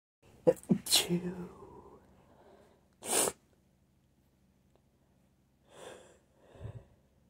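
Quick gasping build-up, then sharp sneezes, one partly stifled, followed by soft breaths; ordinary induced sneezing.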